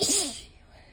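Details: Adult with ragweed allergy and a mostly lost voice: one explosive, wet-sounding allergic sneeze in a small room.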